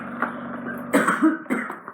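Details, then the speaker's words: Reflex cough during endoscopic suction removal of occluding ear wax from the left ear: pressure on the ear canal stimulated Arnold's nerve, a vagus branch, producing a few short coughing and gagging bursts. "that's what we call the gag reflex when we apply pressure to the ear like I just did it stimulates the nerve called the Arnold and it can make you cough that nerves attached to the vagus now"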